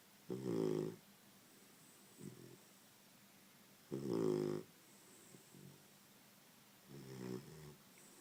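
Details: Snoring from Daisy, a sleeping puppy.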